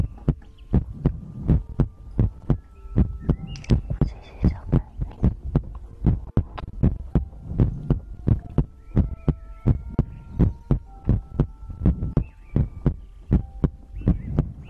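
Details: Heartbeat and breathing ASMR recording for sleep: steady low thumping heartbeat at about 80 beats a minute, faint hum underneath; ordinary regular normal heart rhythm.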